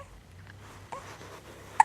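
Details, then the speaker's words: Hiccups: a sudden brief catch of breath near the end, in a quiet room, while someone talks soothingly to the person with hiccups. "You got your hiccups? Hmm? Oh."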